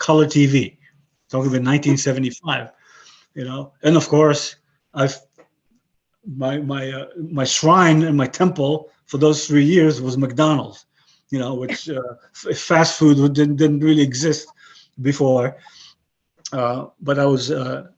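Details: 62-year-old man with aphasia following a stroke about 11 years earlier; he retains broken English and Hebrew but lost his other languages; aphasia.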